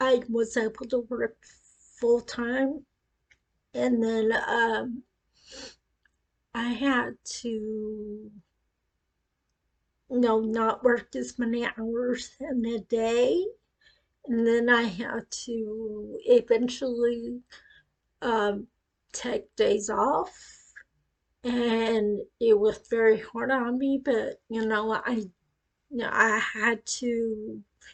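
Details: Adult woman with acquired cerebellar ataxia that began after a brain tumor at age 18, first said to be non-progressive and now progressing; she reports her speech is affected; ataxic dysarthria.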